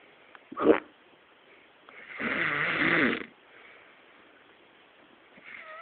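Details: Sleeping man who has hiccups during sleep: a sharp, brief hiccup-like jerk, then one long rattling snore, with muffled, tinny sound and faint music at the end; snoring with hiccup.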